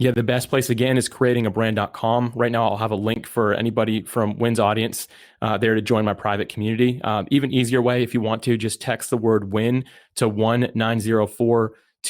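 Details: Adult male speaker; Normal speech.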